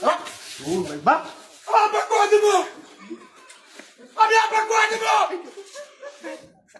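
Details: Acted stuttering by the second character in a comedy skit about two people who stutter, repeating his phrase; stuttering (acted).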